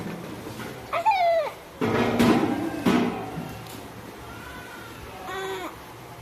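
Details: Newborn with laryngomalacia or tracheal tug: squeaky, high-pitched crowing noises on breathing in, typical inspiratory stridor of laryngomalacia; prone repositioning requested.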